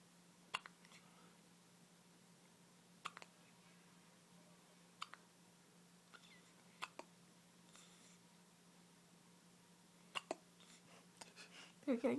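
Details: Baby girl with hiccups, looking upset: soft, sharp hiccup clicks every couple of seconds, about six in twelve seconds, in a quiet room with low hum; ordinary infant hiccups.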